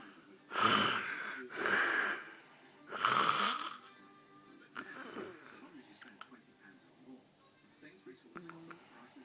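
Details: Adult man (father) snoring: two or three harsh, noisy snoring breaths, then quieter breathing with faint background sound; ordinary snoring.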